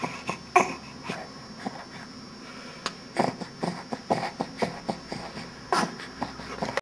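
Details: A pet's rapid, irregular, noisy breaths and snorting puffs in a small room in the morning; wheeze.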